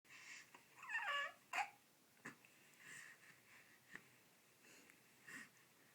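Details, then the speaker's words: Baby boy hiccuping while playing in his new crib: faint baby noises with short, sudden clicks of breath about one to two seconds apart; infant hiccups. "having so much fun in your new crib aren't you uhoh hiccups Dam those hiccups kobs go away"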